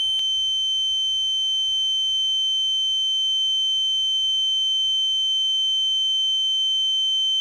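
Steady high-pitched ringing tone with a faint low hum beneath, an imitation of ear ringing (tinnitus).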